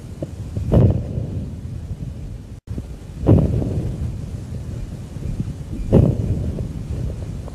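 Low-pitched breath sounds with brief crackling bursts at the start of each inspiration, early inspiratory crackles typical of COPD.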